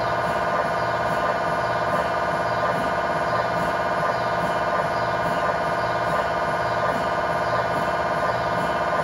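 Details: MRI scanner noise recorded inside the scan room of a GE 1.5T or 3T MRI system running a sequence: loud steady electronic buzzing with fast rhythmic pulsing, about 170 per minute.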